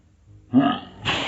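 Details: Single sneeze filmed in slow motion and played at 50% speed: a drawn-out voiced intake, then a hissing burst of air.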